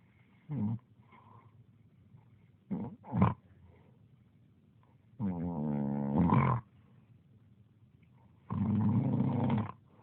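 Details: Snoring: loud rattling snores on inhalation separated by quiet pauses, about four in ten seconds, one with a buzzing, fluttering quality.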